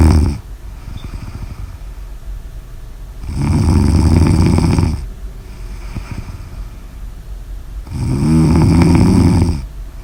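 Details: Two loud, low, rattling snores on the in-breath, about 5 seconds apart, with quiet breathing between; ordinary snoring at roughly 12 breaths a minute.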